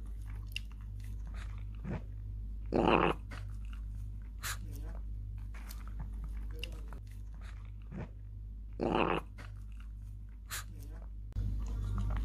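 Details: Shih Tzu dog after eating: two short, guttural burps, loud; owner notes it ate fast with twisted posture, and burping lessened once eating posture was corrected; normal eructation.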